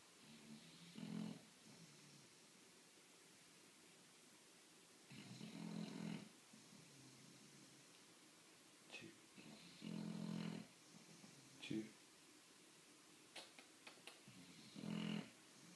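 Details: 10-month-old bulldog snoring while asleep: loud rattling snores, about 4–5 breaths in 16 seconds, with quiet pauses between.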